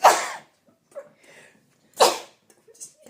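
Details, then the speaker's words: Two sharp, forceful sneezes about two seconds apart, with faint breathing between, from a person who says something in the house makes them sneeze and their eyes water on coming home; they wonder whether it is a cleaner. "Guys, I'm allergic to something in this house. Every time I come home, I'd be sneezing and my eyes are watering."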